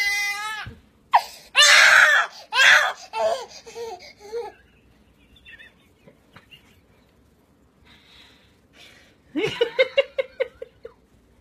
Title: Funny Cute baby crying for mobile 😂